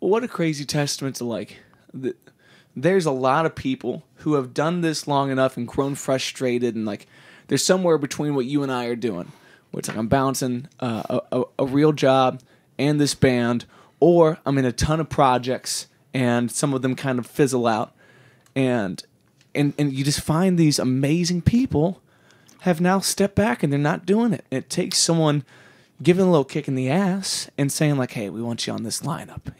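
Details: Adult male speaker; normal voice.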